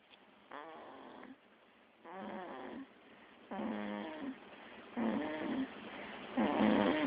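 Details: Snoring in sleep, possibly a baby (called an "old man baby," throwing his head up): repeated buzzing, fluttering snores on each breath, growing louder, about 9 breaths over seven seconds.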